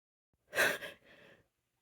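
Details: Female with allergies: a sudden, forceful breathy burst followed by a softer trailing breath; a sharp gasp during an allergy sneezing bout.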